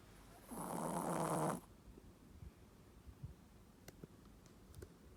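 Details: Female Shih Tzu asleep at the family home, snoring in a very low voice: one loud, rough, noisy breath, then quiet breathing and faint small sounds. Snoring.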